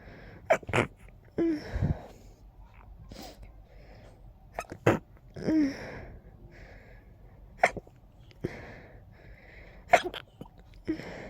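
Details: Short, congested sneezing fit: a rapid run of many strong, forceful sneezes with thick, stuffy breathing between them, from nasal congestion.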